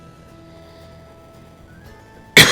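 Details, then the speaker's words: Cough from an adult recovering from flu a couple of days earlier, throat still recovering, during a gameplay recording; residual coughing. "But as you can hear, there's some coughing is still there, you know. So I still have to make a full recovery."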